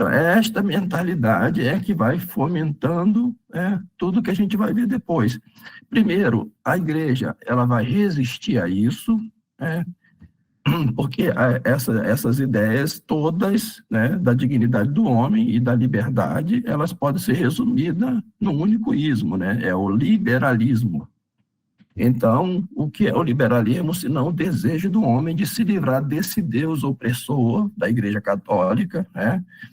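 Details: Man with spasmodic dysphonia treated with toxin injections; the toxin is wearing off, and he says his voice is worse than last time because signs return after 3–4 months, with the next injection due in early July; spasmodic dysphonia.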